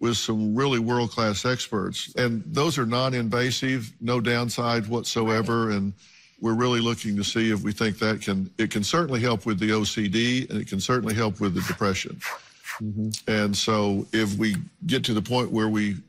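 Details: Adult male speaker; typical speech.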